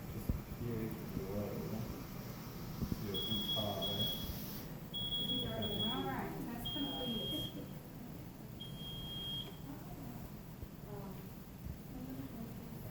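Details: Non-invasive ventilator being initiated, running its self-test before alarm setup: repeated high-pitched electronic beeps over room noise and muffled voices, ventilator alarm beeping.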